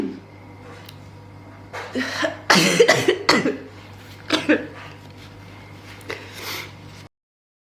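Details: Several abrupt, forceful sneezes in quick succession with voice sounds between, induced by a nasal swab during a Covid-19 PCR test; sneezing.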